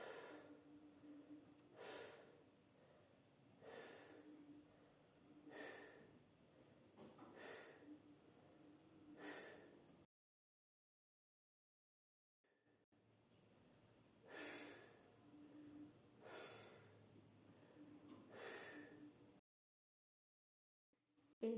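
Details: Normal vesicular murmur (normal breath sounds) auscultated with stethoscope bell while the patient breathes on request.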